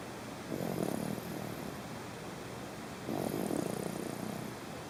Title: Snoring baby